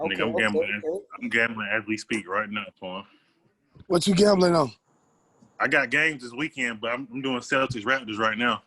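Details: Adult men in conversation; Normal voice.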